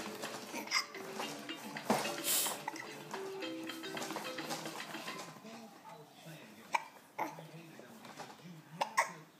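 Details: Boy with hiccups: several short, abrupt catching sounds at irregular intervals over music and room noise.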